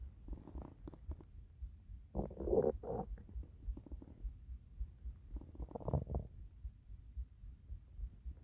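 Low gurgling, rumbling bursts from the belly, coming in waves; ordinary hunger stomach rumbling.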